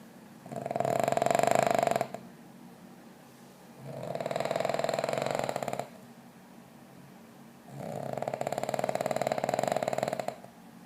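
Three loud, rough, rattling breaths about two seconds long, with quiet gaps between them; regular loud snoring, about 16 breaths a minute.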